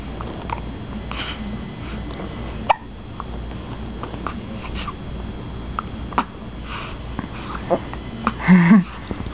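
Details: Infant's first hiccups: several brief, sharp hiccup sounds over faint room noise.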